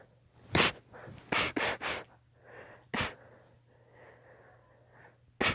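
A rapid run of about six sharp, explosive sneezes with quick breaths between them, a sneezing fit.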